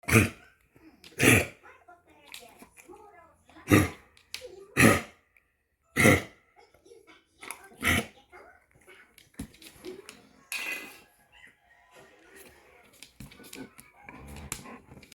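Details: Dog with kennel cough, a contagious airway infection: about six harsh, forceful hacking coughs.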